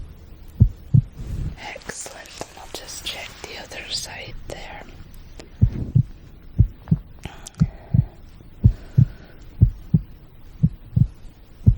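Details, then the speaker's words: Role-played ASMR veterinary exam of a dog, simulated: steady paired low thumps through a stethoscope with whispering and rustling. Called a strong, perfectly healthy heartbeat for his age and size. Normal heartbeat. "Perfect. Perfect. Perfectly healthy heart there. Just as it should be for a dog his age and size."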